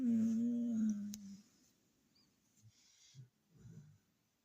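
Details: Sleeping dog gives one loud, droning, hum-like snore, followed by quieter breathing sounds: snoring.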